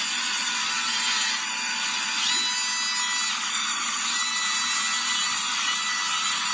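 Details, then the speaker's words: Continuous high-pitched whine and grinding of a single pilot drill making the osteotomy for an immediate-loading dental implant; implant then chosen by the bone's resistance to drilling, with no bleeding noted. "I have just made a single osteotomy and selected the implants based on the resistance of the bone. So it is like usually I just do a single drill, the pilot drill, and then I decide on the resistance of the bone and then decide which implants to be placed."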